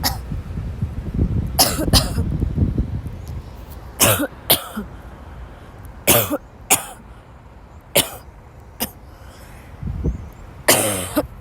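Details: Sick young woman who woke up ill has a violent coughing fit in class and has to leave, gasping: about nine harsh, dry cough bursts in a row with little pause, against room noise; persistent coughing fit.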